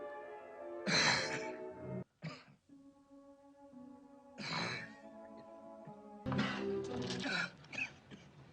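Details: Acted tuberculosis cough of Doc Holliday in a 1957 film: several harsh, forceful coughing bursts from a man over steady orchestral film music.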